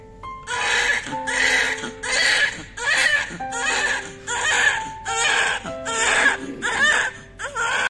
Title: Baby cry #cute #newborn #baby #adorable baby @BabyWorld22